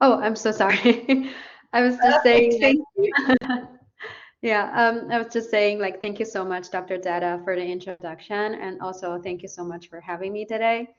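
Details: Adult woman; ordinary speech.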